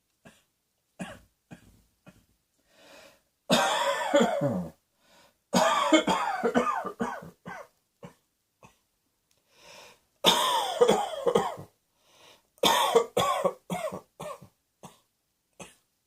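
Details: Repeated harsh coughing in clusters of several bursts, with quick breaths and throat clearing between; persistent coughing fits.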